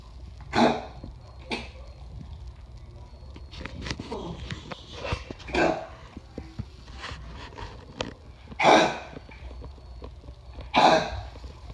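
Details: Sick dog with congestive heart failure coughing: four or five short, harsh coughs spaced a few seconds apart.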